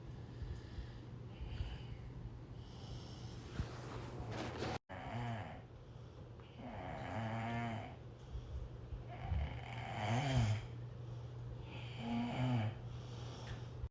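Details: Low rumbling snores at irregular intervals over steady room hum during sleep, recorded around midnight after sleeping since about 9 pm; snoring.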